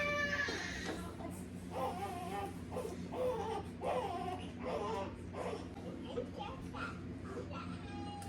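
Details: One of twin infants, just woken, crying: repeated rhythmic wailing over background music, ordinary infant crying.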